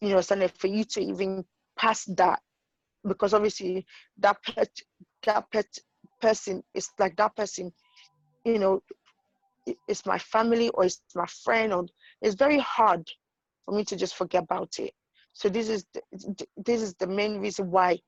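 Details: Adult woman with idiopathic intracranial hypertension and sight loss; her condition has changed the way she speaks, making even easy words hard to say; acquired stuttering.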